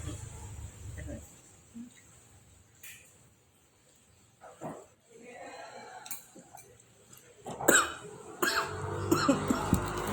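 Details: Cough while eating spicy rib meatball soup (bakso) during a mukbang: several short, rough cough bursts and throat clearing over eating noises and background talk, an irritated throat cough.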